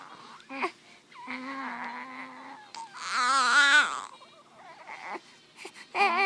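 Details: Newborn baby boy crying in short bursts of high, wavering cries with breaks between them: normal newborn cry.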